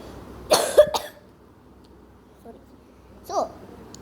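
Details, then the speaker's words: A boy who says he has a slight cough and a runny nose gives a short burst of two or three coughs, then a single softer cough a few seconds later. "ഈ സാധനം sorry guys, എനിക്ക് ഇച്ചിരി ചുമയാണ് കേട്ടോ."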